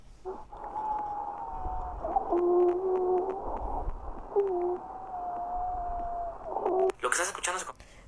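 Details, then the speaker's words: Pediatrics teaching example of wheezing heard with a stethoscope: sustained musical whistling tones changing pitch across breaths, ending in a noisy burst, as air is forced through inflamed bronchi. "prácticamente este ruido que Nosotros acabamos de escuchar es el aire a la hora de entrar y salir como recordamos los bronquios están inflamados"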